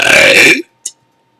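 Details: Morning burp: a loud, drawn-out belch of about half a second, then a faint short sound; an ordinary burp.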